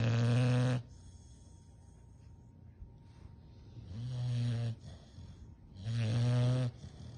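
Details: Sleeping Dogue de Bordeaux puppy snoring: three loud, low, rumbling snores, each about a second long, with quiet pauses between them.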